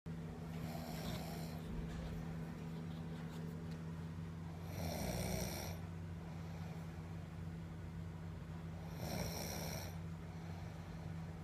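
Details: Rough snores about every four seconds over a loud, steady background hum like a fan or engine; snoring.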